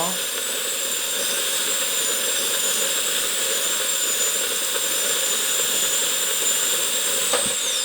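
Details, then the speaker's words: High-pitched whine of a dental handpiece with bur, with faint grinding, cutting an extracted tooth in a simulated root canal demonstration; the clean tooth is treated as if deeply decayed, and cutting stands in for caries removal. "치아를 삭제를 하고요. 이건 이제 실제 입안에서는 충치를 제거하는 과정이 되겠죠."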